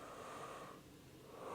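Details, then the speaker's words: Male patient taking deep breaths in and out during a chest exam, heard with the stethoscope diaphragm over the chest: soft, steady airflow noise, normal breath sounds. "So I can hear the anterior breath sounds while I'm kind of in front of him I'm going to listen to your left side."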